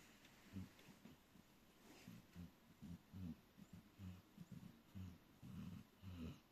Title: Dog snoring peacefully